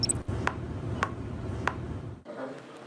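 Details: Temporomandibular joint clicking, a "ka-ka-ka" sound while talking, in a person with left ear inflammation; the clicking is suspected to come from an inflamed temporomandibular joint.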